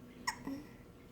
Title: Singing To Distract Her From Hiccups (Hates Hiccupping)